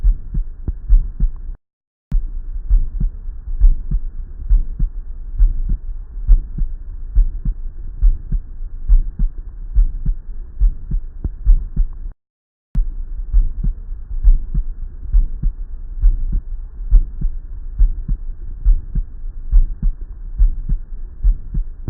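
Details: Ejection systolic murmur: a regular heartbeat at about 68 a minute, with a soft whooshing murmur between the first and second heart sounds.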